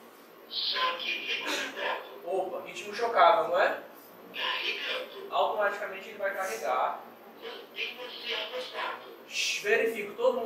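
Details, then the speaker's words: AED charging and shock prompts during a first-aid CPR training demonstration: after rhythm analysis, the device orders everyone to stand clear and repeats until the shock is delivered, with oxygen removed beforehand. "se afasta Otão fante para liberar o cho agora tão vendo que tá pescando sim verifico que todo mundo tá afastado todo mundo se afasta retira aqui a for oxigênio para liberar o cho agora"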